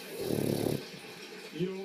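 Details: One fluttering, rattling snore on a breath in while sleeping through a TV quiz show playing in the background; snoring.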